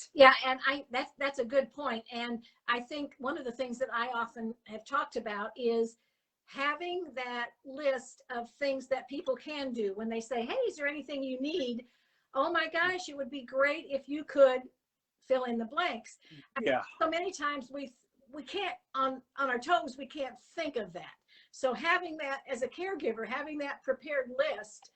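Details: Adult woman speaking; Normal speech.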